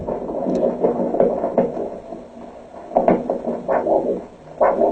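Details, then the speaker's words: Diabetic foot assessment: pulsing whooshes of handheld Doppler over an ankle artery during ankle pressure measurement with a cuff; signal vanishes when the cuff fully compresses the artery; arterial Doppler signal. "là aussi un signal doppler qui indique que le passage du sang on gonfle le brassard on comprime complètement l'artère de sorte que l'on a plus de signal"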